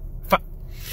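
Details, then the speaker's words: Adult man with Tourette syndrome whose tics are worse after caffeine: a single abrupt, brief voiced yelp bursts out of near-quiet, a vocal tic. "so i'm having i had caffeine earlier so uh tits are going a little bit crazy"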